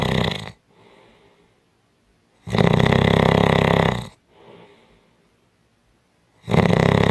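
Loud, harsh snores alternating with quiet breaths, roughly one snore every four seconds; heavy snoring.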